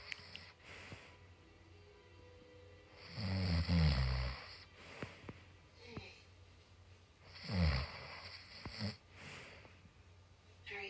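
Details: Man's ordinary snoring during sleep: two loud, rattling inspiratory snores with softer snorts between, about 16 breaths a minute.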